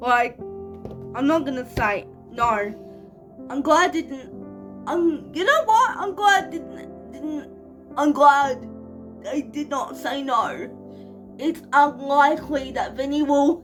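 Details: 25-year-old woman with cerebral palsy, real, speaking casually to camera: dysarthric speech in cerebral palsy.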